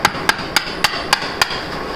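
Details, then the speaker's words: Anterior-approach total hip replacement on a male patient: six sharp, evenly spaced metallic taps, about three a second. A mallet drives an osteotome to remove a very large anterior osteophyte around the acetabular cup. "I then proceed to remove the osteophyte, and you can see I position one of my refractors just anterior to them, and you can see it's very large. I use an osteotome."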